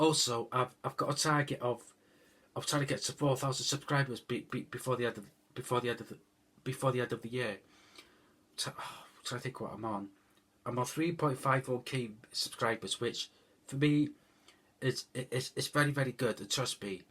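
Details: Adult man whose stutter developed over roughly the last 10-13 years, after IBS, with no stuttering growing up; says he stuttered throughout; stuttering.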